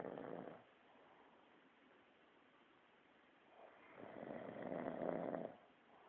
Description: Here we present a Hardworking employee of one the top MNC Snoooooring.